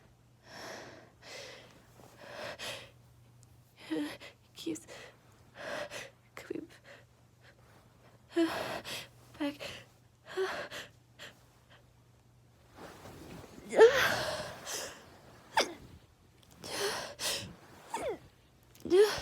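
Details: Several sneezes, each with a sharp indrawn breath, among quiet breathing and sniffs; an exhausted adult with severe pollen allergies, itchy nose and swollen eyes despite allergy medicine, repeatedly sneezing from allergic rhinitis.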